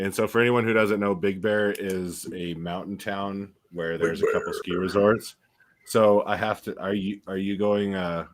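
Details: Adult man speaking; Normal speech.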